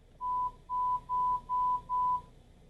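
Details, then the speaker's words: Audiometer pure-tone presentations during a young female patient's threshold test at 1,000 Hz in a booth, tone raised 5 dB and lowered 10 dB per response; she presses a button on hearing; threshold 0 dBHL: five short steady beeps. "So I present the tone. She didn't respond, so I go up 5 decibels, and I present again. And she did respond."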